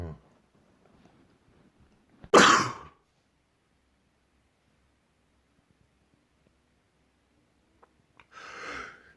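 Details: A single loud, sharp explosive sneeze after quiet, with a softer second burst near the end; from a compilation of the same person's sneezes recorded over three months.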